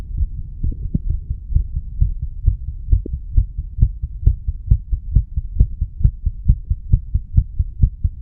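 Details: Fast, regular heartbeat at roughly 130 beats a minute over a steady low hum, recorded by stethoscope at the mitral area in a 34-year-old male after smoking nicotine and cannabis.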